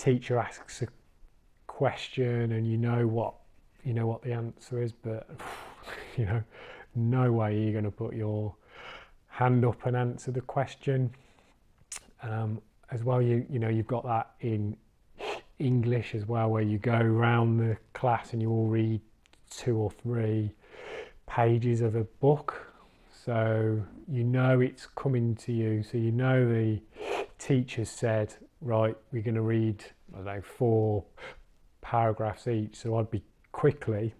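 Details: Stammering (stuttering) since childhood in an adult man in recovery after attending a stammering course; word repetitions audible.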